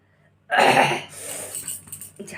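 One loud, harsh burst of a single cough, fading into breathy noise.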